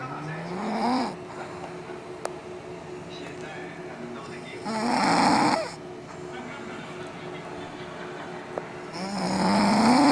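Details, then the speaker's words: Adult woman (mother) asleep, unaware she snores; snoring said to get louder through the night. Three loud, rough snores rising in pitch, about 13 breaths a minute, with room hum between; snoring. "This is my mom sleeping. She doesn't think she snores. Listen to her."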